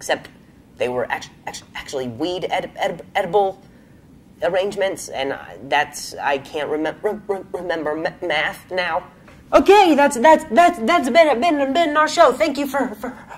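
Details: Stuttering in a man, a comedian, who has a stutter.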